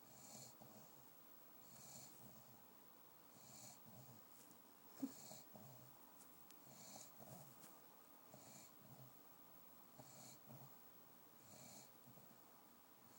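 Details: A sleeping dog snoring: soft, regular snuffling snores with a light wheezy edge, about one every one to two seconds, in a quiet room.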